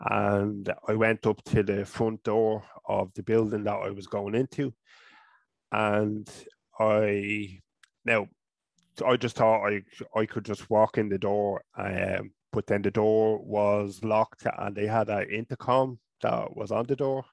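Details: Adult man from Ireland, a person who stutters, with speech therapy first around age 5 or 6; stuttering.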